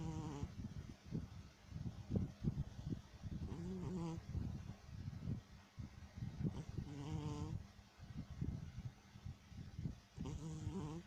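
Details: Sleeping cat: soft, rhythmic, low rumbling breaths with a fluttery buzz on each cycle; snoring, possibly purring.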